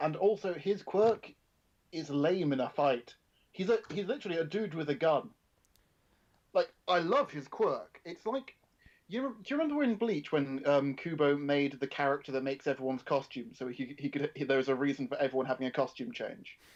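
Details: Adult male speaker; ordinary speech.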